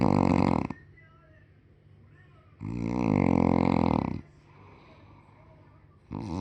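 Loud rattling snores on each inhalation, separated by quiet pauses of about two seconds: snoring.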